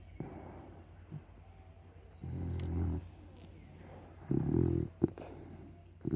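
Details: Snoring from a pug–Shar Pei cross dog.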